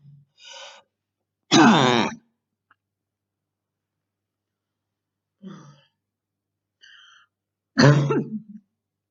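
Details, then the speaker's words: Girl with very hard bronchitis during quarantine: two harsh, chesty coughs with short throat clearing and breaths between, in a quiet room. "A very hard bronchitis, really. Oh my god."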